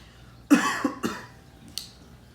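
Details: Three quick, forceful coughs deliberately faked by an adult owner, followed by a faint click in a quiet room: imitated cough.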